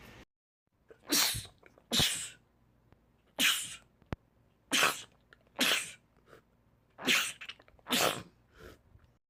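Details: Male rapid sneezing attack from a sneezing compilation: about eight sharp, explosive sneezes in quick succession, some paired; sneezing fit.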